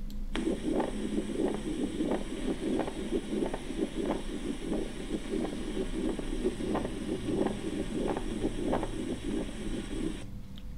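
Rhythmic, scratchy, high-pitched squeaks recur with each heartbeat over a faint background hiss, ending in a brief loud noise. This is a pericardial friction rub: the inflamed layers of the heart's lining rub against each other as the heart moves.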